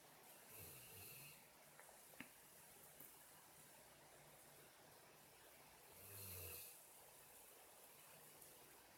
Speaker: Okay, not only are the farts not always mine, but the snoring is not always mine.